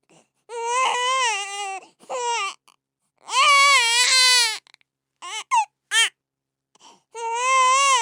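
Loud, high-pitched wailing cries in bursts, separated by short pauses and catches of breath; a crying baby.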